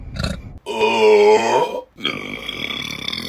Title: Burping Compilation February 2025 #1 | RBC